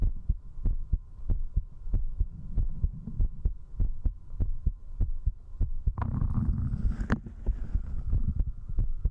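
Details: Woman's strong, fast, regular heartbeat at about 95 beats per minute during an alcohol-drinking stream, recorded at zero distance with a 3Dio binaural microphone for ASMR, with a brief rustle; quickened heartbeat after drinking.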